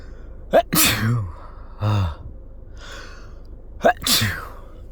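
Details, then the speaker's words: Person with a cold who can't stop sneezing: two sneezes, each a sharp intake then an explosive burst, with vocal sounds between; repeated sneezing. "Oh, I can't stop sneezing. Nothing I do helps."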